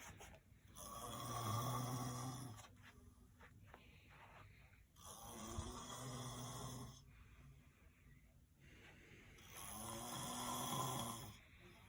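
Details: Person who claims not to snore, recorded asleep: loud, rumbling snores on each in-breath, about 14 a minute, with quiet out-breaths between; ordinary sleep snoring.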